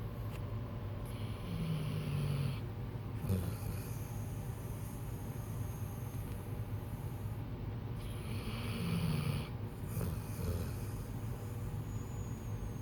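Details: Ordinary snoring: low, rumbling snores recur with each breath, about two cycles in thirteen seconds, over steady room noise.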